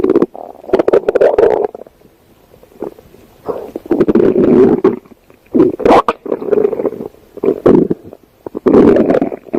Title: stomach growling Compliantion 2024-2025